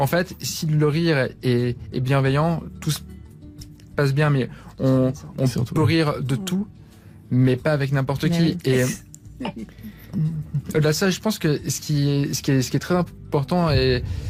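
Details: Stuttering in a young adult man who describes having had a very severe stutter; pauses and repetitions heard.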